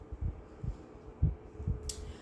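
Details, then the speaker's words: Normal heart sounds on the stethoscope diaphragm at the areas of loudest auscultation: a clear lub-dub (S1, S2) in normal sinus rhythm, with no blowing or swishing murmur. "Heart sounds are normal. I hear the nice lub dub. No blowing or swishing. Normal sinus rhythm."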